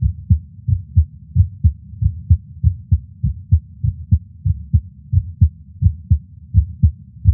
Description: An echocardiogram of my heart at rest with my heartbeat audio recorded separately.